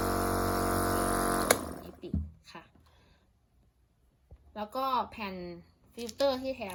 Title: รีวิว เครื่องพ่นยา OMRON NE-C101